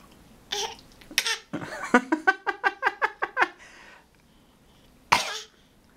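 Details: Young child already acting sick: two separate coughs, then a rapid string of about ten short voiced coughs, and one more after a pause.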